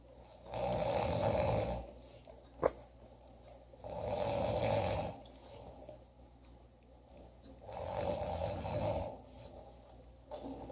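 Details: Three long, regular rasping snores on the in-breath, about 17 breaths a minute, with a single click between them: snoring.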